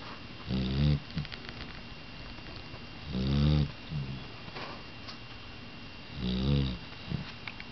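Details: Young, not yet full-grown, loud and active snorer: deep, rattling snores on each breath in, about 22 a minute, with quiet breaths out between: snoring.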